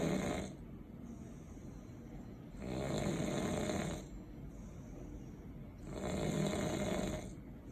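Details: Person snoring heavily while sleeping: loud, rough snores recurring about every three seconds, roughly 19 breaths a minute, with quieter breathing between them.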